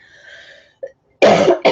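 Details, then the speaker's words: Sick adult, unwell for some time and coughing more after getting out of bed: two harsh, explosive coughs in quick succession after a quiet moment with faint background tone. "I haven't got out of bed all day I hadn't been coughing this much until I got out of bed again so we could do the live show"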